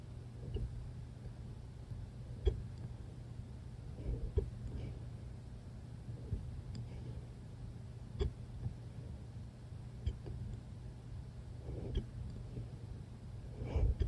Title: Hiccups!!